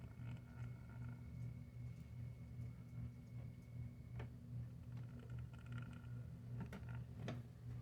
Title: snoring kitten